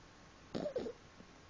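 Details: A single short two-part snuffling breath with a faint squeaky, whistling tone from a sleeping pet named Harvey; snoring.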